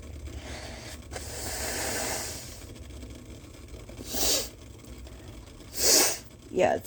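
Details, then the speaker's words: Woman, on request, leaning over steam and blowing her nose into a bandana as a hankie: a long breathy rush, then three short forceful nasal blasts, with a steady background hum. "okay so this is a special video for uh for sneezing lover uh he requested that um uh I blow my nose into a um hanky this is a bandan but I consider it one"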